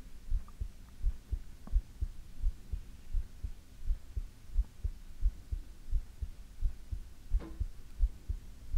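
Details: Heartbeat recorded for ASMR: steady, regular low thumps at about 86 beats a minute; normal heartbeat.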